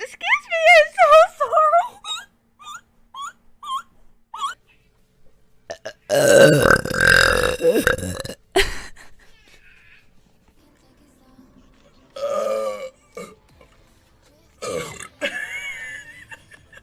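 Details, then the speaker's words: Several loud, drawn-out belches from different women streamers, with brief talk and laughter between; burping compilation. "Excuse me, I am sorry, but that's a lady burp."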